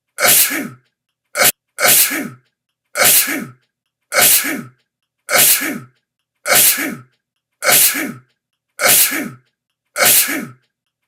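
A rapid series of about ten near-identical sneezes, nearly one a second, with clipped silence between them; repetitive sneezing.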